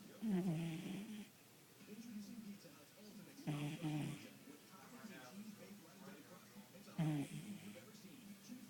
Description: Our dog Nelson asleep and snoring on my arm